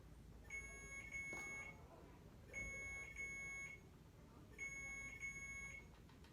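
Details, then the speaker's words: Adult woman with biliary cholangiocarcinoma at her fifth chemotherapy session, receiving magnesium and sodium chloride hydration; repeating electronic alarm, three beep bursts about two seconds apart, possibly air-in-line: infusion pump alarm. "raining hold on let me grab a nurse this for this beeping i think it's okay now watch it's gonna go if i turn around so if it says air i can just hit the restart you can but sometimes it doesn't clear"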